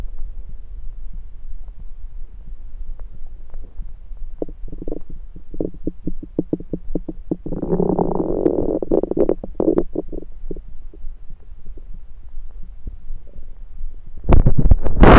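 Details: Bowel sounds (borborygmi) of a rumbling stomach recorded over the abdomen with a USB stethoscope: gurgling, bubbling rumbles with irregular clicks.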